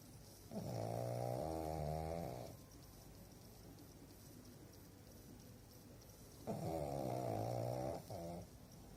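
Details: Pug (flat-faced dog) snoring while asleep: two long, low, rattling snores on the in-breath, about six seconds apart, with quiet between.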